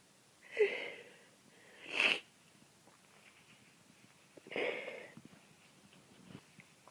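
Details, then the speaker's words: Person sick with a cold, bedridden all day, sore throat, watering eyes and sinus trouble: sneezing fit of three sharp sneezes with sniffs between them in a quiet room. "I'm really sick I've been in bed all day I have to sneeze just so [Applause] bad eyes are watering"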